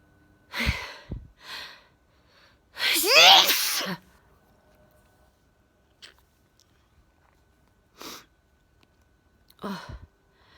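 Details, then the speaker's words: Adult sneezing at about 1 a.m. on a hot night, recorded on a mobile phone, described as deep: several sneezes with sharp bursts and breathy intakes, one loud and long with a voiced cry, softer sniffs between. "oh jesus i felt that coming on and i got my mobile phone really quick oh this sneeze is really deep from my"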